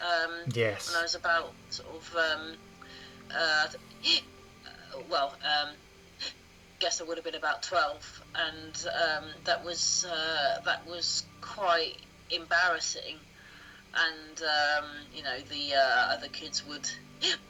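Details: Adult woman who has stammered since early childhood, around age two or three, telling her story; stuttering.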